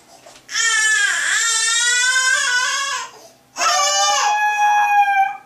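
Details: Baby that won't stop crying: two long, loud, high-pitched wailing cries separated by a breath; sustained infant crying.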